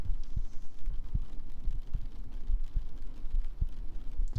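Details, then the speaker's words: Streamer's own heartbeat during a live ASMR stream, quiet and fainter than usual: steady low thumps at about 80 a minute over a faint hum; a normal heartbeat. "Oh yeah, it might do actually because the heart's kind of quiet. I can turn it down a bit. How's that? Is that yeah, you can hear my heartbeat better now, huh?"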